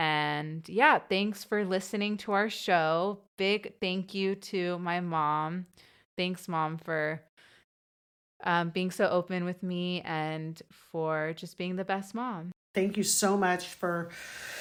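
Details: Adult woman who has stuttered since about age two or three, a self-described covert stutterer who hides her stutter and may appear fluent, had speech therapy as a child, reading aloud in English; real. Finding: stuttering.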